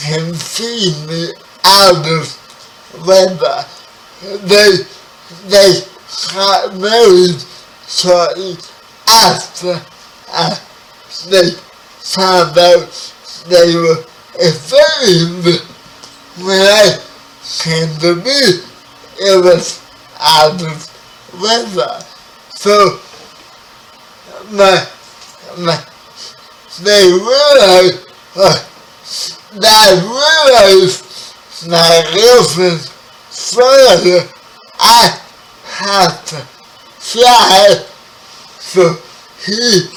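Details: 30-year-old man with spastic quadriplegic cerebral palsy, born 11 weeks premature; dysarthria (cerebral palsy).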